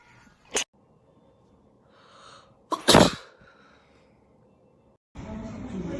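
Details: Young Asian woman sneezing, from a sneeze compilation: a short sharp burst, then a fuller explosive sneeze after a brief intake, with room noise and a rustle after.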